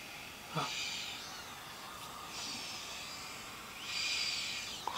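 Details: Own snoring recorded with a sleep app: repeated high-pitched, whistling nasal breath noises over faint room hiss with little low rumble.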